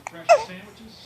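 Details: Child's hiccup: a single abrupt, voiced catch of breath that cuts in sharply and fades over faint room noise.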